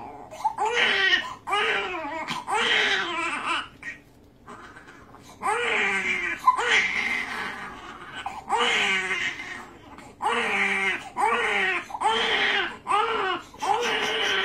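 Repeated loud, strained newborn crying in rhythmic bursts with brief gasping pauses; a distressed pain cry.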